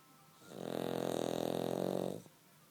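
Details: Cavalier dog sleeping comfortably between its owner's legs: one long, buzzing, fluttering snore on an in-breath; snoring.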